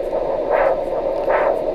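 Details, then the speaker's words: Doppler arterial signal in the leg of a diabetic patient with a plantar toe ulcer, as the cuff inflates to 210 mmHg: the signal persists, indicating a non-compressible artery. "40 60 180 200 210 and we're still getting a horrible signal what does that suggest to us that this patient is non compressible"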